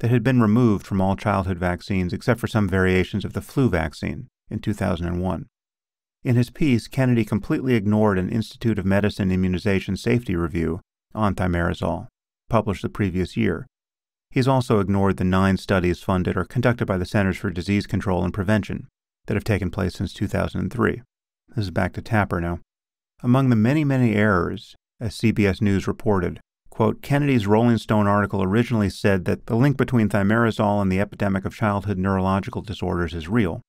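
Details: Adult man speaking; typical speech.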